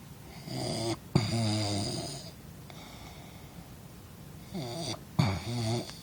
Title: Snoring in college